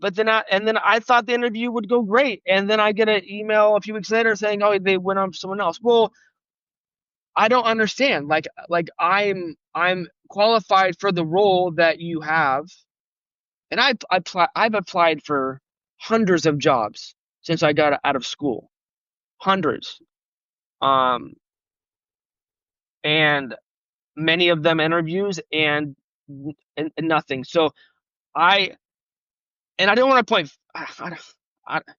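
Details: Stuttering in an adult, real, who has stuttered since age 5 and had speech therapy on and off from grade school to college; spontaneous podcast interview speech.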